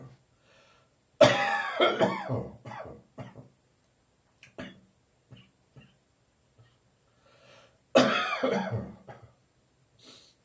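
Two loose coughing bouts, each a strong cough trailing into rattly throat-clearing, typical of a phlegmy wet cough.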